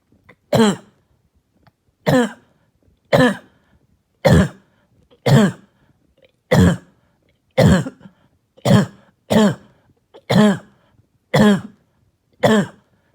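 Eleven separate harsh, voiced coughs, roughly one a second, with quiet gaps between; a barking, hacking cough.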